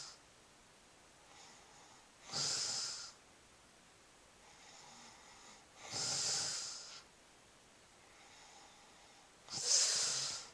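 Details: Pregnant woman snoring, new since pregnancy: three loud, hissing, snort-like breaths about 3.5 seconds apart with quieter breaths between; noisy sleep breathing, snoring.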